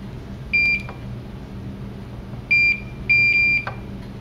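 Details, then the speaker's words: Transplant patient about 90 days after transplant, home infusion via central line started after flushing: three short high beeps over quiet room hum as the infusion pump runs through its settings on start-up. "I just hook up the this caret to it and start it running and it just goes through all it settings"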